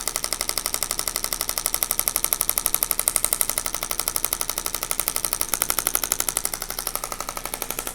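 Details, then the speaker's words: Rapid, regular sharp tapping pulses at about 240 a minute from a shockwave therapy handpiece on an adult man's sore lower back during chiropractic treatment; the patient feels shocks, and the intensity is later raised. "I get patients that have really bad arthritis in their low back. It just kind of breaks everything up, moves the blood around, creates more circulation. Doesn't feel the best when I'm doing it, but what do you feel here? Shocks."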